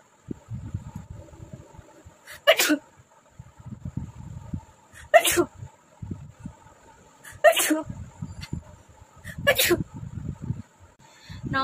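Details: Four sharp, explosive sneezes about every two to two and a half seconds, with quieter breathy sounds between them: repeated sneezing in a nose-sneezing challenge.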